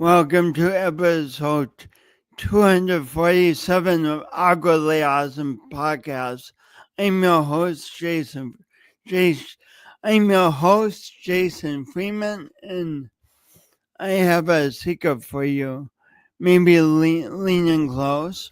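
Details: Speech impediment, no specific diagnosis named, in an adult man who also has motor coordination differences and says everyone hears it every time he speaks.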